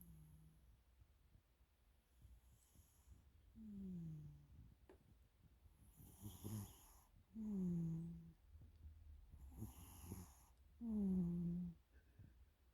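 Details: Soft, regular snoring with breathing noises between, about 17 breaths a minute, from a sleeping cat who appears to be dreaming.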